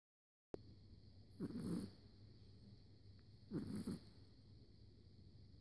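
Two soft, fluttering snorts about two seconds apart over steady background hiss; snoring.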